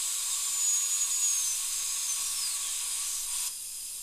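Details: Steady high-pitched whine with water-spray hiss for about 3.5 seconds as a high-speed dental drill cuts through the contact area of numbed molar tooth two, removing an old amalgam over a decayed, cracked area under a rubber dam.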